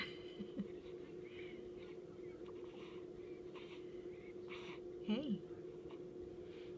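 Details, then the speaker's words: Infant attached to a tube with a light glowing underneath, hiccupping: faint, soft hiccup bursts about once a second with a couple of brief squeaks over a steady equipment hum. "has the hiccups."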